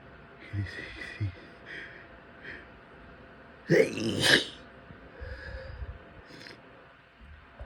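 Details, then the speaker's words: Person with a cold sneezing: a few quiet catching breaths, then one sharp explosive sneeze and a softer follow-through. "Oh, I'm gonna sneeze."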